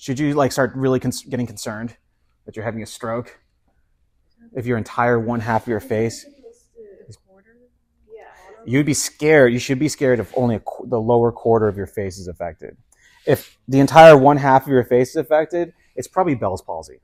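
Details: Adult male lecturer; normal speech.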